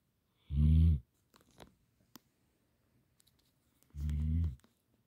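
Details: Sleeping Gampr dog snoring: two deep, rumbling snores about three and a half seconds apart, with faint small noises between them.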